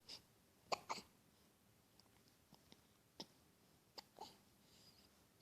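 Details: Infant hiccupping: quiet, brief, sharp catches at irregular intervals, about six in five seconds; hiccups.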